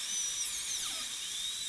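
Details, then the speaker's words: High-speed dental handpiece cutting dry on a model tooth #18, cleaning up proximal boxes to about 1.3 mm axial depth in a gold onlay preparation: steady high-pitched whine, pitch dipping as the bur meets the tooth. "let's go ahead and clean that up a little bit so axially 1.3 which is the the diameter of the tip of this burr"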